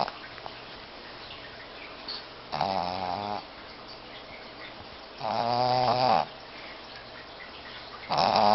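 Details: Two loud rattling snores with a quiet gap, then a third beginning, from a sleeping short-nosed female dog in bed; snoring.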